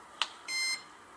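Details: A soft button click, then a short high electronic beep: the button-press tone of the COZING-T03 portable 650 nm cold-laser pain-relief therapy device, heard during a usage demonstration.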